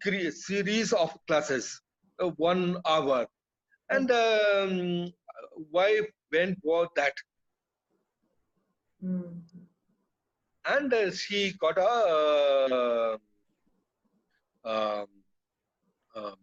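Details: Adult man with non-fluent aphasia after a haemorrhagic (burst) stroke that hit his speech centre; he was told he would never speak again; he relearned speech through years of speech therapy, and aphasia persists.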